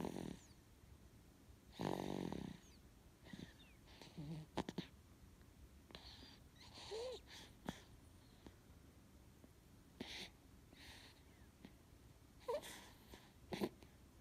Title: Baby snoring